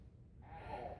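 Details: An adult man with repeated, major hiccups while awake; drinking water is tried to stop them without success.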